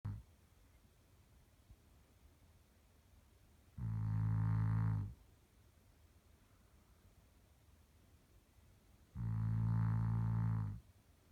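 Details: Two deep, droning snores about 5 seconds apart, each over a second long, with near silence between, about 11 breaths a minute; snoring.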